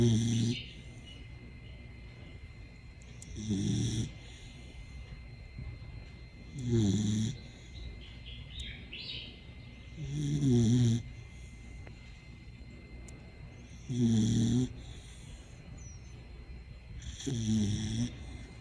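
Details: Snoring in a sleeping puppy: soft, low rumbling snores on each breath, about 18 a minute, with quiet pauses and faint room sounds between.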